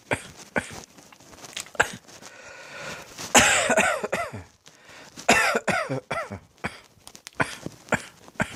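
An adult coughs repeatedly in irregular bursts, some harsh and voiced, in a quiet small room.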